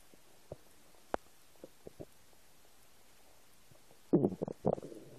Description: English: New noises of my empty stomach.